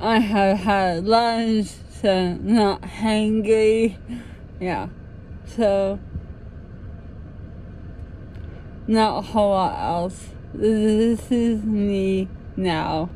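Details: Woman with dysarthria, recorded in the afternoon after lunch while documenting how her speech changes through the day with practice, energy and mood; dysarthria.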